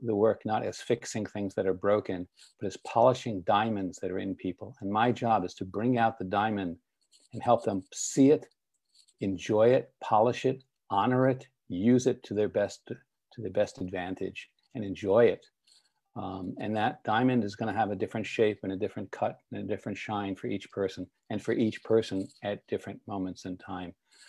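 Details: Adult male speaker; ordinary fluent speech.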